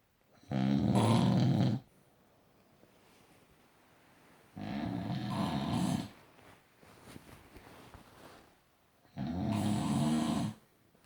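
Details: Three loud, low, rumbling snores about four seconds apart, roughly 14 a minute, with quiet breathing between them; snoring.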